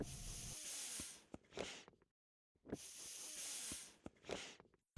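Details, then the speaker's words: Hissing airflow bursts with soft valve clicks as a bag-valve-mask gives five inflation breaths to a newborn during a single-person jaw thrust in a neonatal resuscitation training film. "Using the other hand, place the mask over the baby's mouth and nose and give 5 inflation breaths."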